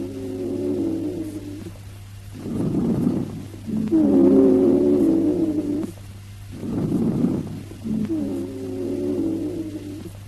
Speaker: Listen to the high-pitched expiratory rhonchi.